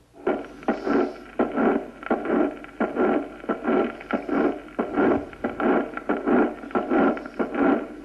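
Repeating murmurs about 91 a minute, each starting soft and building louder before stopping sharply: a crescendo murmur of mitral valve prolapse.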